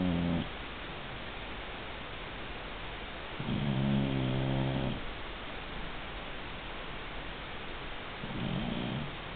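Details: Soft rumbling snores on breathing in, roughly every four seconds, over steady background hiss; snoring during sleep.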